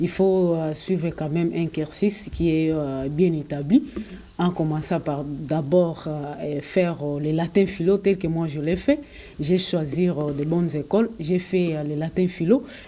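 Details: Adult speaker, French; normal speech.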